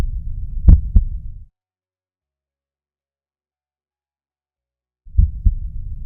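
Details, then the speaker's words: Heart auscultation on an adult male patient lying down during a physical exam practice, over the aortic, pulmonic, tricuspid and mitral areas, timed against the arterial pulse: paired low thumps of the first and second heart sounds over a low hum. "Oskultasi dilakukan dengan mendengarkan bunyi katup aorta, pulmonal, trikuspit, dan mitral."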